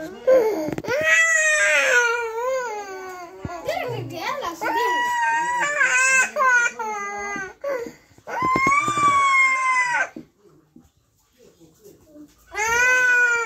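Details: Loud, wailing crying from a young child, with sobbing breaths and brief pauses between long cries.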